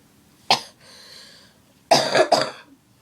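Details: Cough from a woman who is ill with a sore throat.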